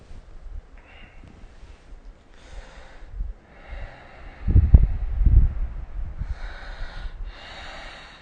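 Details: Snoring during sleep recorded with the SnoreLab phone app: low, rattling snorts and breathy snoring sounds, uneven in loudness.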